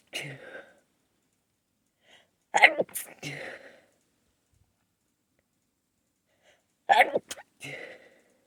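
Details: Two stifled sneezes held back until the tickle grew strong, each after a quick catching inhale and separated by silence; the nose got blown afterwards. Stifled sneezing.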